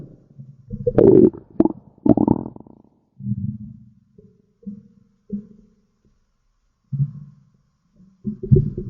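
Low rumbling growls and brief gurgles in bursts with pauses: ordinary stomach growling.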